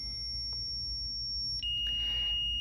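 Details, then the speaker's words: Zoll defibrillator demonstration, pretend third shock at 200 joules; steady high-pitched charging tone, brief break, then a new continuous tone signalling shock delivery. "you see how the machine delivered a joule of 200 because the machine can remember what was the energy given earlier let's shock the patient again let's pretend that we are ready to give the third shock to this patient"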